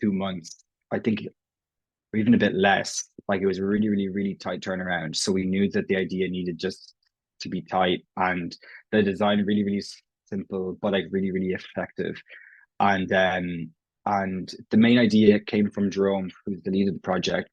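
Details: Stammering (stuttering) in an Irish adult man who has stammered as long as he can remember; his own speech features prolongations, repetitions and blocks; genuine, unconcealed stammering in conversational speech.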